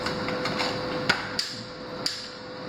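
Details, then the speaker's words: Sharp, spaced snapping clicks over a steady hum: ESWL lithotripter shock-wave pulses during kidney stone treatment, with periodic fluoroscopy to keep the stone in the crosshairs. "and during the shock treatment it doesn't sound too good the shock treatment we fluoro periodically"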